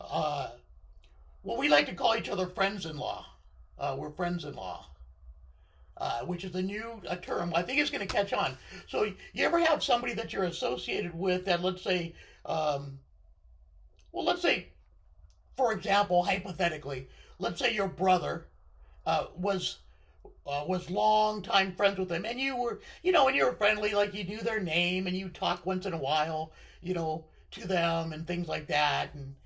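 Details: Male speaker with left-sided vocal cord paralysis following surgery, which limits his voice control; vocal cord paralysis.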